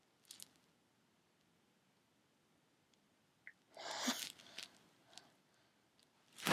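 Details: Adult's sneezes while drunk after a sneezy night, induced by tickling the nose with a clothes tag: hitching breaths, a false start, then sneezes.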